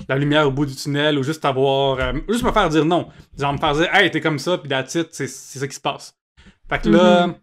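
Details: Adult male comedian and podcast host with cluttering, realized only in adulthood that speech therapy exists for it; cluttering, often confused with stuttering.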